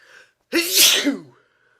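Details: A short in-breath, then one loud, explosive sneeze that fades quickly, one of a repeated series of sneezes in a sneeze attack.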